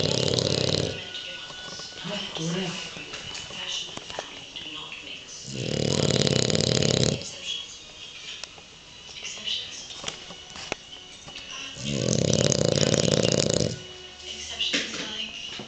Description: This is Chila, a french bulldog, snoring while sleeping!